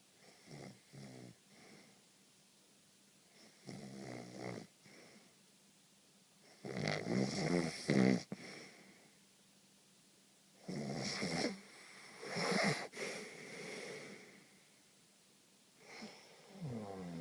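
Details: Irregular rattling snores of varying loudness during sleep, some short and some drawn out, separated by quiet pauses.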